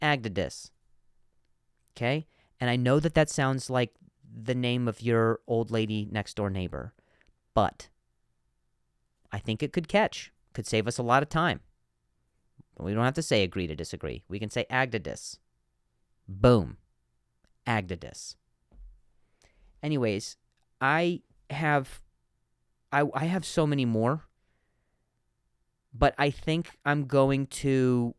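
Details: Adult male comedian who stutters, speaking naturally; he reports some words are hard for him to say; stuttering.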